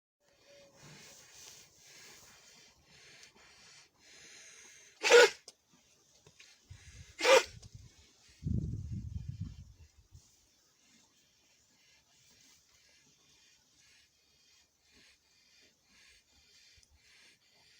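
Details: Cow with viral pneumonia (bovine respiratory disease complex): episodes of dry cough.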